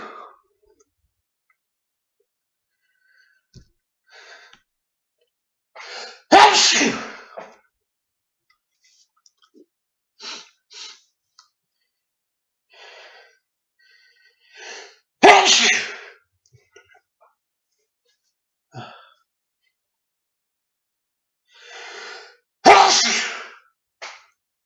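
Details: Three loud, uncovered adult sneezes, real but induced and slightly edited, each preceded by quick catching inhalations, spaced several seconds apart.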